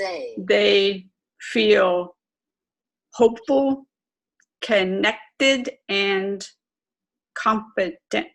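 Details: Aphasia with apraxia of speech, self-described as severe, in an adult woman twelve years after a stroke.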